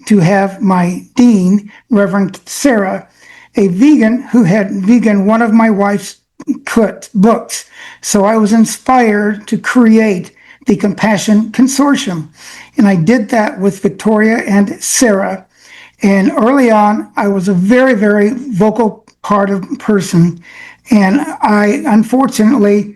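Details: Adult man with self-reported aphasia that limits his access to many words, speaking in an acceptance speech; aphasia.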